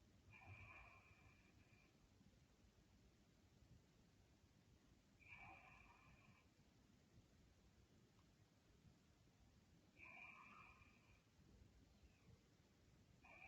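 Three quiet, buzzing snores about five seconds apart, roughly 12 breaths a minute, over steady background hiss.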